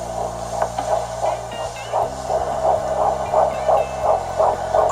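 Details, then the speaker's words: Fetal heartbeat on ultrasound before 12 weeks of pregnancy, in the first trimester; rapid, regular whooshing pulses at about 170 a minute over a steady hum. "we got to hear the heartbeat which I didn't post on any social media besides Facebook and my Facebook is personal so I will just let you listen to the heartbeat"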